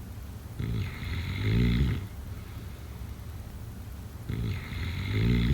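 Two snoring breaths about four seconds apart, each a raspy intake ending in a low, fluttering rumble.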